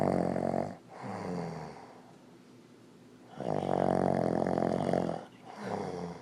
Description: Old man snoring